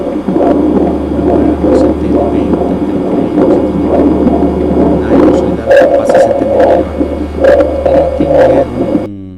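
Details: Bronchophony, increased vocal resonance on chest auscultation: patient says "33" and the muffled repeated phrase, transmitted through the chest wall over a low hum, is heard unusually clearly, whereas normally it is unintelligible.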